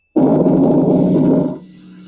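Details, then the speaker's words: Teaching audio demonstration of normal vesicular breath sounds heard over peripheral lung fields by stethoscope: soft, low-pitched rustling, inspiration longer than expiration fading into quieter exhalation. "तो ये क्या बोल रहा है कि इसमें जो इंस्पिरेशन होता है इंस्पिरेशन इज लगर देन एक्सपिरेशन।"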